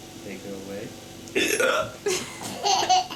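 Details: A father's abrupt hiccups, followed by the baby's laughter and quiet babbling; hiccups.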